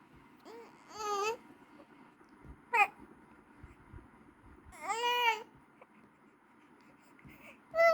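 An infant gives several short, high-pitched wailing cries with fussy whimpers between them, in a quiet room.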